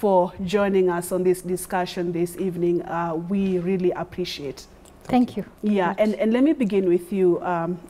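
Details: Adult woman; fluent speech.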